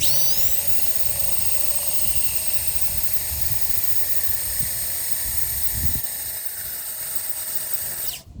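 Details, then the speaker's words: Surgical power drill running a cannulated (hollow) reamer over a wire into a hard plastic bone model during pediatric orthopedic training: steady high-pitched motor whine, then spinning down. "So, Slide it over this. So this cannulated just means it's got a hole in it."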